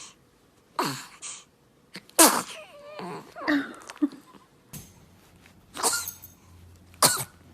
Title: TOP 10 Cute Babies Sneezing Moments - Funny Baby Video